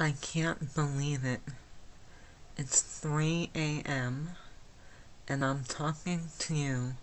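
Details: Adult woman with myasthenia gravis since age 8, with speech and swallowing problems, speaking without her speech appliance; hypernasal speech: myasthenic dysarthria.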